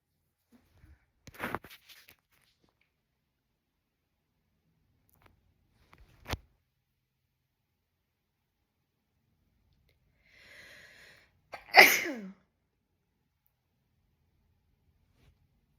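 Quiet room with a few brief bursts, ending in one loud forceful sneeze with a sharp expulsive blast.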